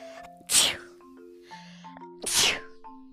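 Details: Two loud, breathy sneezes about two seconds apart over background music, from a streamer.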